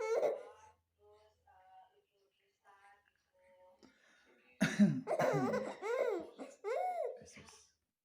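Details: A father gives soft, playful, put-on coughs and his 5-month-old baby answers with squealing laughter; a pretend cough, not illness.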